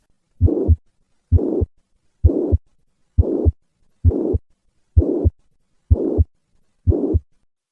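Regular heartbeat about 65 a minute with a blowing murmur filling systole from first to second sound: mitral regurgitation, heard at rest then during handgrip.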